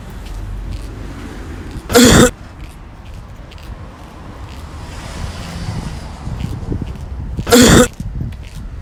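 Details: Cough experiment: two loud, single harsh coughs several seconds apart over outdoor wind noise.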